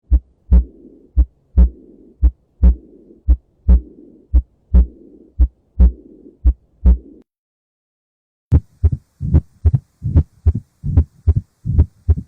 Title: 5 abnormal diastolic heart sounds #anatomy #nurse #doctor #diastology #cardiol #heartrhythm#gk